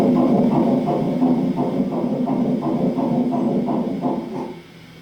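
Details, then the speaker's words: Fetal heartbeat on Doppler ultrasound at an appointment around 11 weeks' gestation: rapid, regular whooshing pulses at about 170 a minute, fading out at the end. "That's the sound of Angel's daughter's heartbeat exactly a week after it was supposed to be silenced forever."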